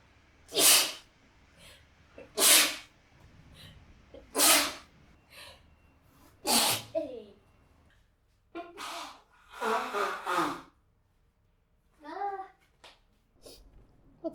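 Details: Simulated, acted bout of about four forceful explosive sneezes in quick succession during a staged relaxation treatment, followed by brief voiced sounds; sneezing.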